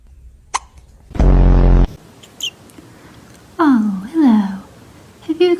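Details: Cat with hiccups: a few brief, sharp hiccup clicks, with a loud buzzing noise and a person's high, cooing voice between them.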